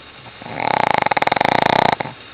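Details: Sleeping female Shih Tzu snoring: a single long, rattling, buzzy snore vibrating rapidly for about a second and a half, in a quiet room.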